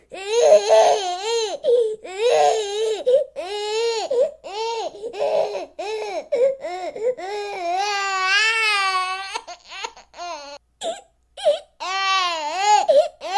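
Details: Sustained loud crying and sobbing from a young child, with rising and falling wails and short catching breaths, from a ten-hour crying recording with background music.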